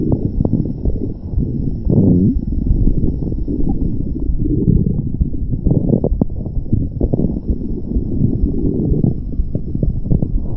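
Continuous low rumbling with intermittent gurgles and pops; ordinary stomach growling.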